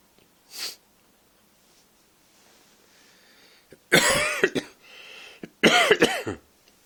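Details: A sniff, then two harsh bursts of voiced coughing, each with a couple of quick coughs, in a quiet room.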